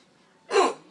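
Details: Hiccup in a patient just after wisdom teeth surgery: a single abrupt, sharp gasp-like inspiratory sound.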